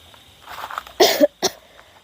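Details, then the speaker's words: An adult with a cold, flu and a slightly sore throat gives two coughs, a longer harsh one then a short one, after a faint murmur in a quiet room. "ak bikin video juga ya gak sedikit batuk pilek flu ya sama sakit tenggorokan gitu sedikit makanya suara saya agak gimana gitu ya teman-teman"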